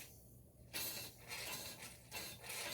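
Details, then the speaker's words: Nasotracheal suction catheter tested in sterile water before insertion through a nasopharyngeal airway, in a teaching demonstration: hissing, slurping suction rising and falling in short bursts over a low hum. "so now what i can do is i can test to make sure that the catheter works"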